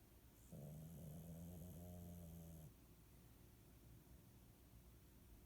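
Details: One low rumbling snore on a breath in over a quiet room hiss; snoring.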